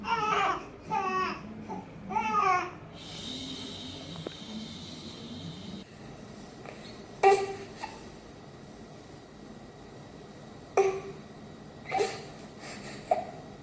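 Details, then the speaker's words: Brief run of short, connected fussy "eh" sounds from an infant, a need-to-burp cry attributed to trapped wind in the abdomen. "Eh masa bunyinya bersambung-sambung yang tak habis"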